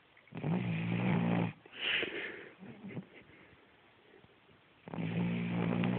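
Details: Sleeping Cavalier King Charles Spaniel snoring: two long, rough, buzzing snores separated by a quiet pause with soft shuffling sounds.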